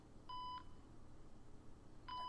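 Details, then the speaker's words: Medical monitor beeps: two steady electronic beeps over low room hum, a sound effect in a dramatized thriller audio story (humming and beeping of life machines). "the humming and beeping of the life telling machines drone on"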